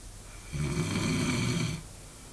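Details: A man at a stag party gives a single loud, low rattling snore on an in-breath, lasting just over a second, in a quiet room; snoring.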